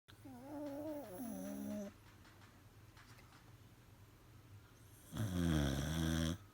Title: My dog Lady sleeping! 😴😴 (She snores)